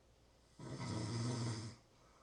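A single low, rumbling snore lasting about a second, rising out of quiet and fading back, with a faint room hiss behind it.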